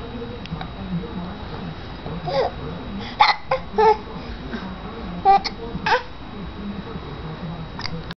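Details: Hiccups in a 5-month-old infant: short, abrupt catches of breath repeating irregularly at about 40 a minute over low background hum.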